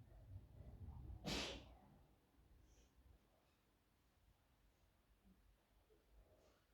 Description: This video was given to me to upload its a young girl having a sneezing fit she apparently sneezed about 4/5 times before this too